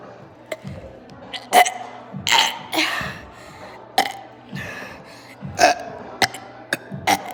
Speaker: y'all wanted y'all's burping video all right